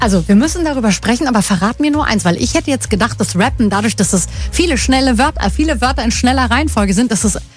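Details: Adult radio host; fluent speech.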